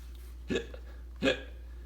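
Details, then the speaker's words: Two sharp, abrupt vocal catches under a second apart over a low steady hum, in a story narration about a teacher with hiccups; hiccups. "excuse me class i have the hiccups i can help drink a glass of water ms kim drinks a glass of water excuse me i still have the hiccups"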